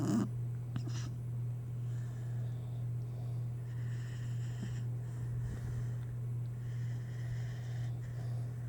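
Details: Sleeping pet cat gives a soft, steady low rumbling snore; owner also reports teeth grinding; snoring.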